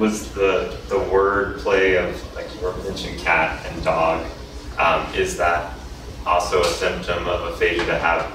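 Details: Adult male speaker; typical speech.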